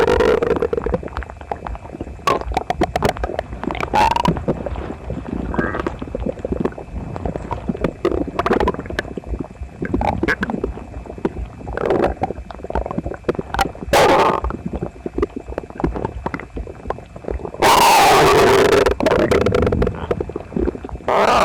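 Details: Loud near-continuous gurgling and rumbling with sharp clicks and a harsh burst, phone pressed to the belly after breakfast of toast, eggs and milk; visibly uncomfortable: loud bowel sounds (borborygmi).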